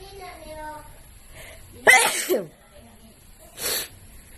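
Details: Person sneezing: a loud burst sneeze after a brief build-up, then a second softer sneeze, with faint voices behind.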